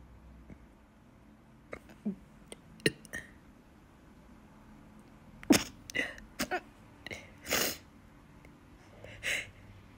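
Several short, sharp bursts of breath and catches in a quiet room, fitting hiccups interrupting a sneeze that never fully comes.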